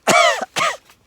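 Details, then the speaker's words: Adult cyclist climbing a mountain pass on a bikepacking trip, at about 13 km/h, who forgot their Ventolin and feels it, gives two short, harsh coughs during hard exercise, fitting exercise-induced asthma. "J'ai oublié de prendre ma ventoline. Je le sens un petit peu là."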